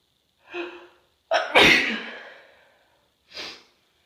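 A quick inhale, then a sharp explosive sneeze with a trailing release and a softer breath afterward.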